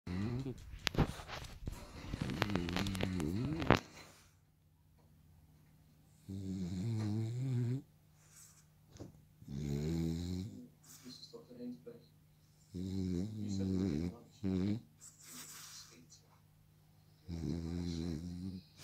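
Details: Sleeping French Bulldog, dozing on owner's lap with eyes open and apparently dreaming, gives repeated low buzzing snores of about a second each, separated by pauses, with snorts and brief whimpers at the start; snoring.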